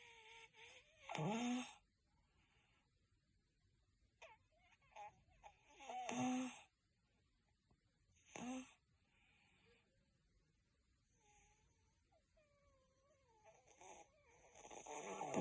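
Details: Cat with a congested nose: noisy, snorting snoring breaths with faint whistling squeaks between them, recorded 19/05/2024.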